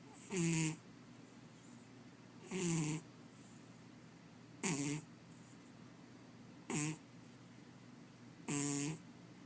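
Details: Sleeping cat snoring: five short, regular snores over about ten seconds, roughly 30 a minute, against a quiet steady background hum.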